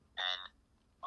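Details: Electrolarynx speech after laryngectomy, from a neck-held vibrating device shaped into speech by lips, teeth and tongue; output sounds robotic.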